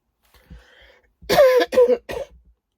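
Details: Adult woman whose illness has taken a worse turn gives a soft throat-clear, then three loud, harsh cough bursts in quick succession in a quiet room; cough.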